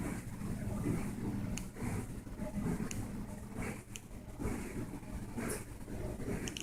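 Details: Sleeping cat snoring: low, rumbling snores in loose, uneven cycles with faint room noise; cat sleeps and snores any time of day, anywhere.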